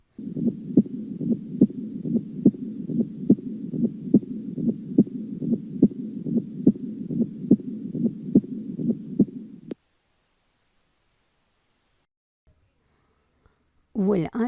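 Regular heartbeat near 71 a minute with an extra soft sound just before the first heart sound: an S4 gallop.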